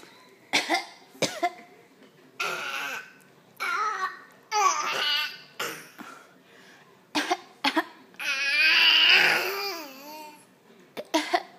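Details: Young child fake coughing: short deliberate cough sounds mixed with playful vocal noises; an imitated voluntary cough, not illness.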